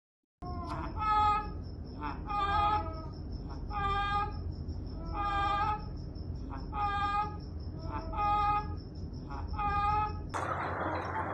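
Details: Layer hens with infectious coryza: repeated throaty, gurgling respiratory noises about 41 times a minute.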